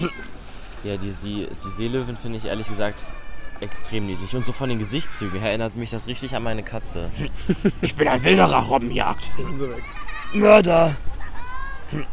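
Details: Young man with a strong form of Tourette syndrome, tics imitating zoo animals, includes shouted words: vocal tics (Tourette syndrome).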